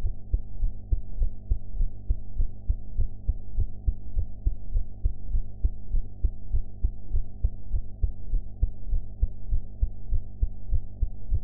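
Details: Own heartbeat recorded after eating, audio enhanced: regular low thumps over a steady background hum; even, fairly brisk heart sounds.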